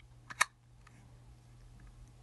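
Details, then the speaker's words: Two quick sharp clicks in a quiet room as the HandiHaler dry powder inhaler's button pierces the medication capsule during a COPD patient-education technique demonstration; inhaler capsule piercing click. "I'm going to pierce the medication now."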